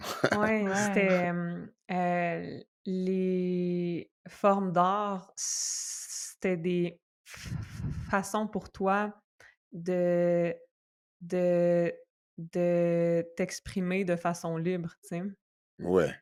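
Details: Adult woman who stutters, a doctoral candidate in speech-language pathology, speaking French; stuttering.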